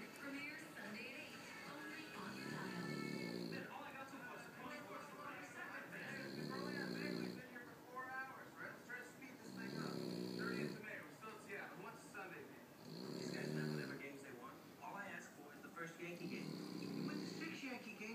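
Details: Resting pet snoring in a slow, steady rhythm, about 17 snores a minute, over television sound.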